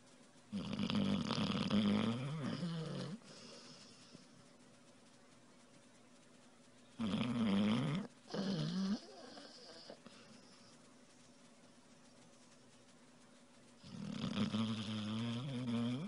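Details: Sleeping puppy snoring: long, rumbling snores a few seconds apart with quiet pauses between them.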